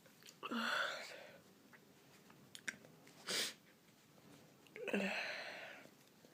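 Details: Induced sneezing; two sneezes, each a sharp voiced burst that trails off, with a brief sniff between them in a quiet room.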